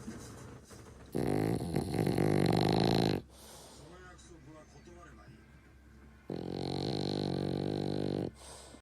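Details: French Bulldog in deep sleep with eyes half open, giving two long, loud, rattling snores a few seconds apart with softer snuffling breaths between. Heavy snoring.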